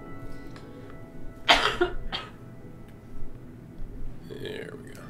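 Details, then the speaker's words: Two loud, harsh productive cough bursts from an adult with chest congestion, still has crap in chest, over quiet game music. "yeah apologies again to anyone that hates the sound of coughing cuz we're gonna we're gonna do a lot of it over the next probably few days"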